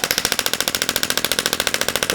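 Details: STORZ radial pressure-wave therapy device, in which a projectile strikes inside a tube, demonstrated on a person at low energy: loud, fast, regular hissing taps, about thirteen a second; radial shockwave therapy device firing.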